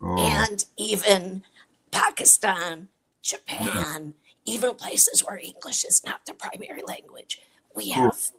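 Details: Adult woman with chronic dysphonia, a voice disorder, treated with Botox injected into the vocal cords every three months; real patient speaking; dysphonia.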